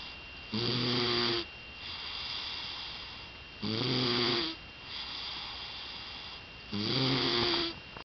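Regular snoring at about 19 breaths a minute, with a buzzing sound on each breath in and softer, airy breaths out.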